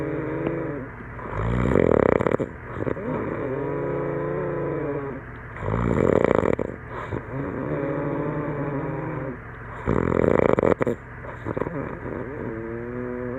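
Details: Person snoring heavily in sleep after a campfire and some drinks: loud, rattling snores about every four seconds, roughly 14 a minute, each a long vibrating breath.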